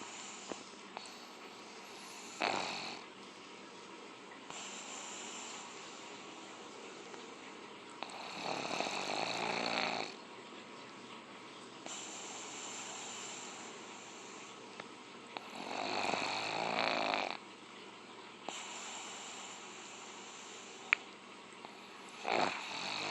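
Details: Pug sleeping, snoring loudly in repeated harsh, rattling bursts with quieter breaths between them, falling into deep snore seconds after shutting his eyes.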